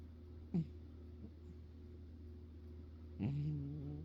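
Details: Cat snoring in the owner's ear; snoring.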